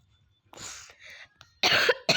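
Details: Brief run of harsh coughs with throat clearing, ending in two louder bursts, heard during a game-playing session; cough.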